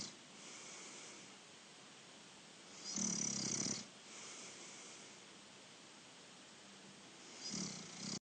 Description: Younger Brother Snoring away!! Wednesday 18 December 2019